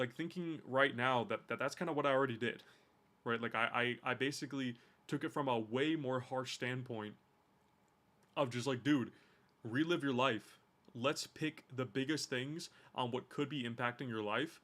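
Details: Adult man with a stutter that he says emerges more when he speaks faster; stuttering.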